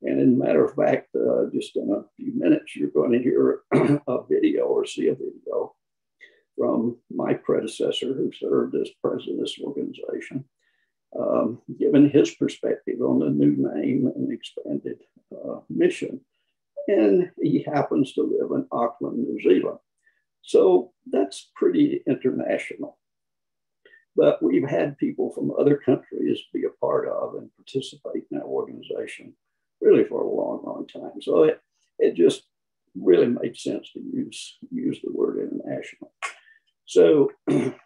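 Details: Man with spasmodic dysphonia, who counts himself among people with the condition; the finding is spasmodic dysphonia.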